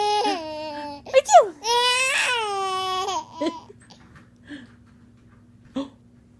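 A baby cries in short wailing bursts with clear pitched voice and catching breaths between, fading to quiet whimpers.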